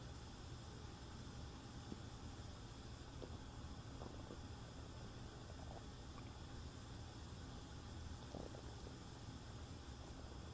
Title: Stomach rumbling